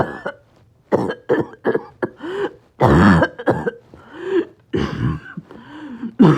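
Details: Roughly ten harsh, barking, choking coughs in rapid back-to-back bursts, with strained breaths and extreme shortness of breath between them: a coughing spasm in a person with COPD and low oxygen.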